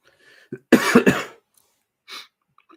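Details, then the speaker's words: Adult with COVID-19, sniffing and coughing: a quick intake of breath, then a short run of three loose, harsh coughs and a softer breathy exhale; cough. "So he came back to listen to me sniff and cough."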